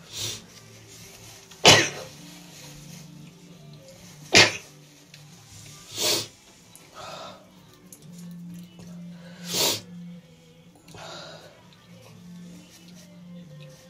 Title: Yet again more cold sneezes